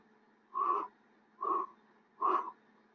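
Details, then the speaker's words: Vocal imitation of an amphoric (cavernous) breath sound: three hollow, musical blowing sounds, like blowing across the mouth of a bottle. It is described as a blowing sound produced over a clean lung cavity. "el ruido al ritmo tal que al se transforma en un soplo semejante al ruido que tú generas cuando sopla la boca de una botella es un ruido musical"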